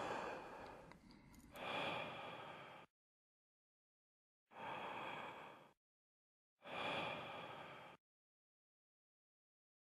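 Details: Demonstration of peak expiratory flow measurement during a clinical respiratory system examination.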